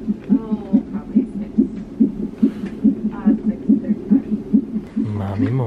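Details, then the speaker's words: Fetal heartbeat on a prenatal Doppler monitor: rapid, regular whooshing thumps at about 143 per minute. "Ayan yung heartbeat mo. Ayan, oh."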